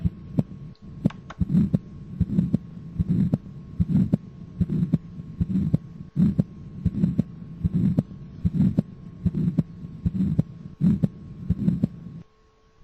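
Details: Systolic ejection murmur.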